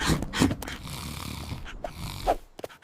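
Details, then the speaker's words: A sleeping pug snoring: a low, rattling breathing noise with a couple of snorting bursts, trailing off into quiet. "El quinto ronquido tiene la respuesta, pero no lo recuerdo."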